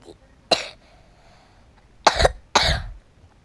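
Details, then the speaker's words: Three sharp single coughs, the last two close together, in a quiet room; brief repeated dry-sounding cough from someone coughing repeatedly while playing Roblox. "batuk lagi ih batuk lagi batuk lagi ini apa ya gayanya"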